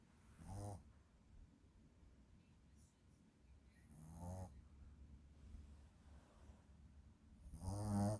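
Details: Shih Tzu puppy snoring in sleep: three rattling snores about every 3.5 seconds, roughly 17 breaths a minute, with quiet gaps between; harmless snoring.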